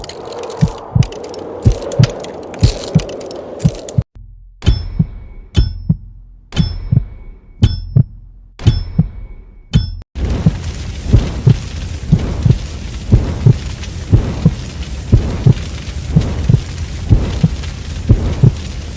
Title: heartbeat sound #viral #youtubeshorts #foryou